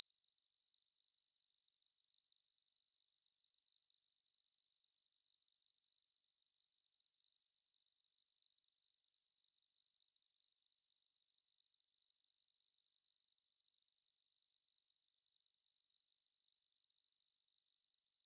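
Steady high-pitched pure tone throughout, a simulation of tinnitus, the ringing heard in the ears without an outside source.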